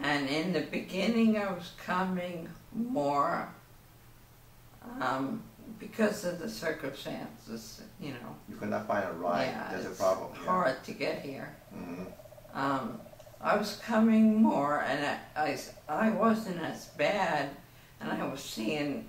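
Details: Woman diagnosed with ataxia in 2008, affecting her speech, gait, concentration and muscle coordination, with no benefit from prescribed medications; ataxic dysarthria.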